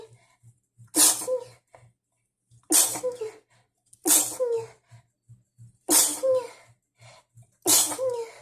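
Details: Five forceful sneezes in quick succession, some partly held back or stifled, with faint sniffs between, triggered after cleaning dust.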